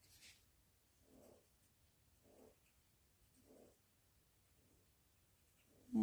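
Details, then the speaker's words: Napping female pet snoring during a live stream: soft, regular snoring at about 50 breaths a minute, faint against quiet room noise. "snoring you know if you can hear her I guess my Facebook lives must put her to sleep because she's always taking her nap when I'm doing my lies"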